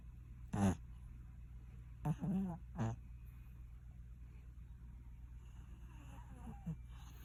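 A few short, irregular snuffling snore sounds from a sleeping cat over steady room hum; snoring.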